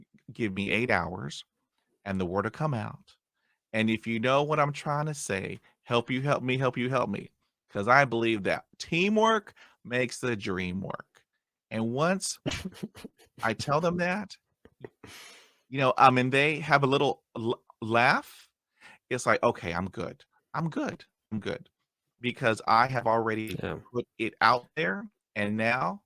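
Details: Adult man who stutters, still getting hung up on words after 20 years of speech therapy; stuttering.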